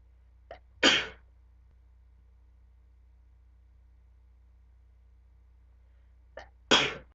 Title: Back for More Sneezing